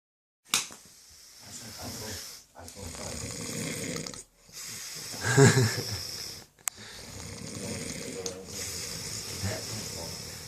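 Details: Rough, rattling snoring breaths with a low vibrating sound, separated by brief pauses.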